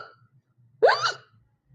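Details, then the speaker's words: Single sharp, voiced hiccup with a sudden catch of breath against quiet background hum, given as an example of the word hiccup, said to occur when eating or drinking; hiccup. "एक example इस तरीके के movement आपके body के अंदर कभी action इस type का अगर होता है उसको इंग्लिश में हाईक्यूप कहा जाता है हिचकी कहा जाति है"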